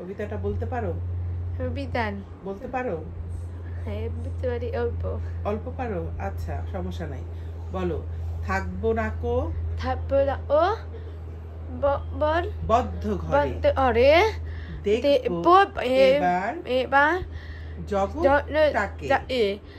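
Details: 13-year-old boy with hearing loss, using a cochlear implant for 7 years, reciting a Bengali poem with his mother; finding: speech of a child with a cochlear implant (hearing loss).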